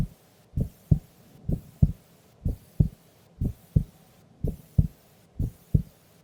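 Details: Heartbeat of a sleeping female during an afternoon nap: steady, deep lub-dub beats at about 62 a minute, no extra sounds between beats, normal resting heart sounds.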